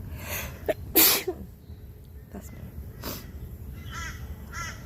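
One sharp, explosive sneeze outdoors, followed by quieter sounds, with birdsong in the background.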